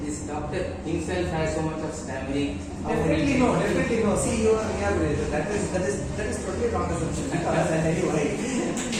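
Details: Adult male speaker; fluent speech.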